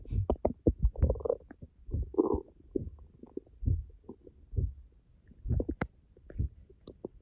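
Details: Stomach growling (borborygmi) after fasting 10 hours: irregular low gurgles and rumbles from the belly, some longer and bubbling; empty-gut growling.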